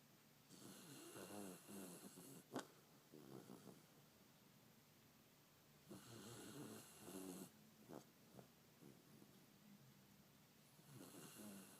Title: Pt snoring